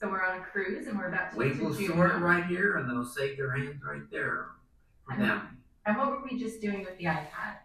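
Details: Adult speaker; Wernicke's (fluent) aphasia.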